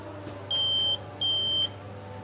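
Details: Two high-pitched, steady electronic beeps under a low hum, one per heartbeat detected by the fingertip sensor of a student-built microcontroller heart rate monitor with Bluetooth.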